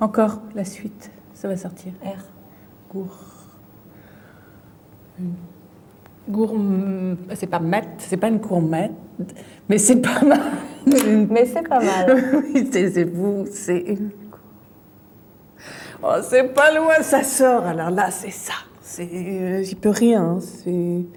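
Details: Fluent aphasia in a female patient with a brain lesion, with word-finding difficulty, word substitutions and distorted words, during a picture-naming task.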